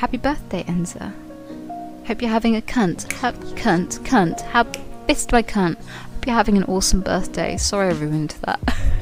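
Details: Real Tourette syndrome in a female streamer: involuntary vocal tics, including involuntary swearing, interrupt her speech.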